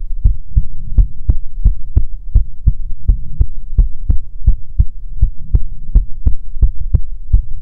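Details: ASMR heartbeat recording from a female streamer, offered as soothing heartbeats: steady, regular low thumps at about 75 beats per minute over a soft hum; normal heartbeat.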